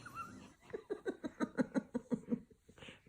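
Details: 1-year-old toddler imitating grandmother's snoring: a rapid run of rhythmic, voiced, snore-like grunts; imitated snoring, not a true snore.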